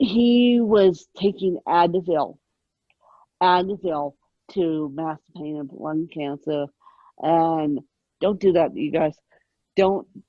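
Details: Adult woman with moderate ataxic cerebral palsy present since birth, attributed to lack of oxygen at birth; ataxic dysarthria (cerebral palsy).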